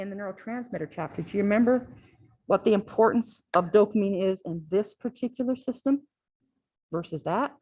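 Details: Adult woman lecturing; normal speech.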